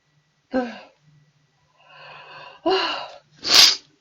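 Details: A young Chinese woman's allergic sneeze during a livestream; she says she feels awful and asks about rhinitis medicine. A voiced gasp, a drawn-in breath, then a sharp explosive sneeze ending in a hissing burst.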